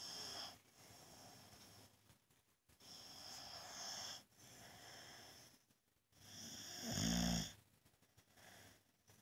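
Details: Sleeping boxer dog giving repeated rasping, wheezy snores with each breath, one louder snorting snore near the end; owner says he can be so loud the TV can't be heard; loud dog snoring.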